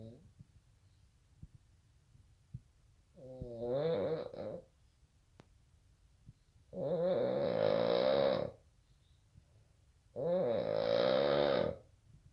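Three loud, rattling, wavering snores, each about two seconds long, roughly every three seconds, with quiet gaps between; heavy snoring.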